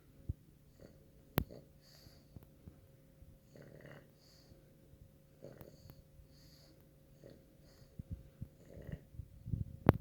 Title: PUGSLEY the PUG taking a snooze. WIGGLES and SNORES